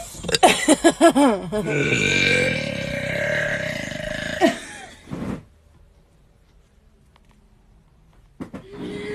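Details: A series of short gulping sounds, then a long, loud, drawn-out belch from one person, followed by quiet; burping from a compilation of burps.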